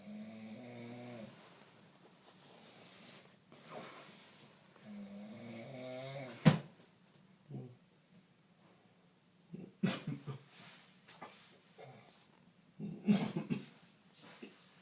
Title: defeats the Abominable Snore Man